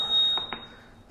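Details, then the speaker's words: Mechanical ventilator in an ICU teaching demonstration: a steady high-pitched alarm keeps sounding after the machine is deliberately switched off, showing it cannot be silenced accidentally. Faint room sounds. "Un paso, dos pasos, tres pasos. cuatro pasos. Sigue, se apagó y sigue gritando."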